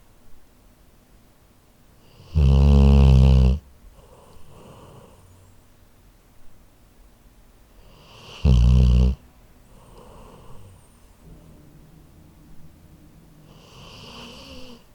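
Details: Labrador sleeping, recorded with a Zoom H4n recorder: two loud, low rattling snores about six seconds apart with soft breathing between; snoring.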